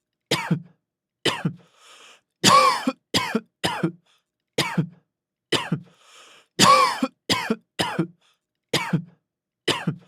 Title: Coughing, A severe cough in a man